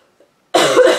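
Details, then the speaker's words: A single harsh cough bursting out after brief silence from an adult woman with a cold who keeps coughing while talking; cough. "sorry I keep coughing guys but I saw this and I thought it was awesome I had to have it so I got it that's what you do when you have to have something"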